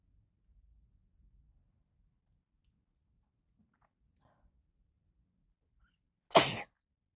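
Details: An adult woman with a new nose piercing deliberately induces a sneeze and restrains it; after several seconds of near silence comes a single brief, soft, hissing stifled sneeze, recorded on a phone.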